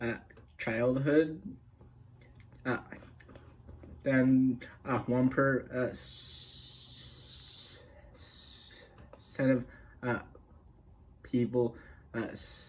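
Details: Adult male speaker; stuttering.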